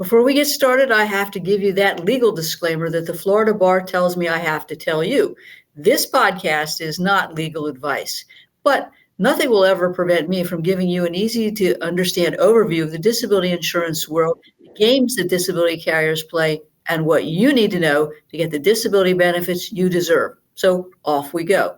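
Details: Adult woman speaking; normal voice.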